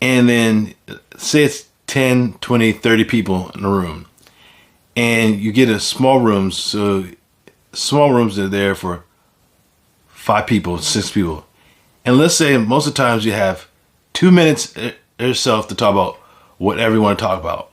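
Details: Adult man with aphasia after a stroke; aphasia.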